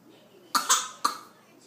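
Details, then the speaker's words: Young twin child gives a voluntary fake cough: three short, sharp, deliberate playful coughs in quick succession. "a fake cough pe that is a fake cough yeah"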